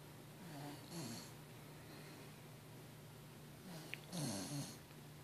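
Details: Two rough, rattling snores from a sleeping pet, each on an in-breath, with a quiet pause between them in a still room: snoring.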